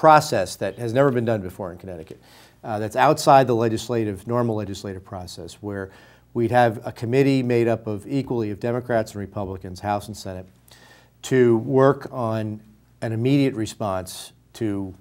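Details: Adult man speaking; Normal adult male speech.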